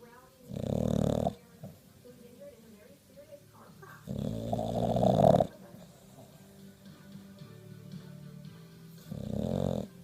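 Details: Bulldog snoring: loud, rough, rattling snores with quieter breathing between, about three snores in ten seconds.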